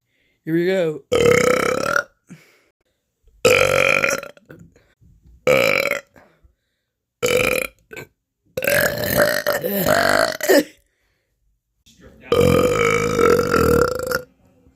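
A run of about six loud, drawn-out burps with pauses between them. Repeated belching.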